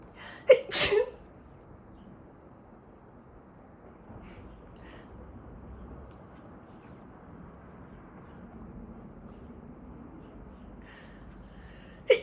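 Two quick sharp sneezes at the start and another at the very end, with quiet room noise between; a bout of allergy sneezing.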